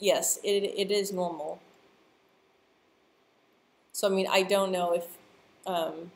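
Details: Adult who stutters, speaking live, with stuttering.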